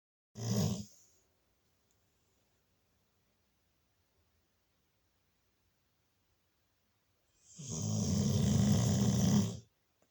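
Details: A pitbull dog snoring while asleep: a short snort, then after a long silence a drawn-out rough, vibrating breath.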